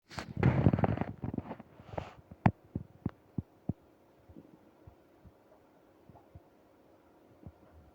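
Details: Upset stomach after eating ice cream: a gurgling rumble gives way to a run of fading pops and clicks: stomach growling (borborygmi).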